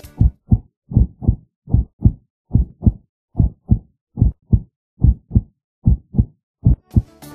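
Strong, crisp paired heart sounds at a regular rhythm of about 75 beats a minute, with a brief burst of noise at the end: hyperphonetic heart sounds.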